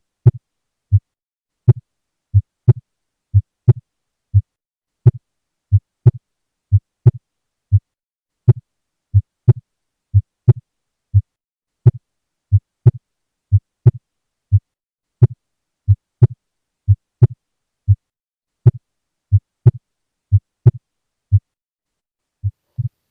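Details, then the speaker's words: Regular lub-dub heartbeat about 60 a minute, heard with stethoscope, with a prominent, sharp second sound: loud second heart sound (S2). "This voice indicates Loud Second Heart Sound"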